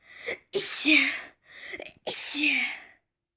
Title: Allergic To Flower (sneezing)